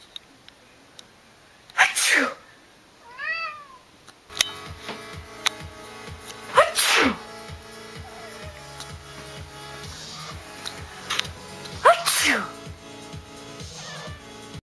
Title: Cat reaction to sneezing!